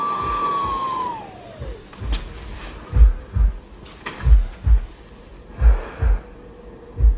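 Soft low thumps at about 45 a minute after a falling tone, a slow heartbeat from a TV drama.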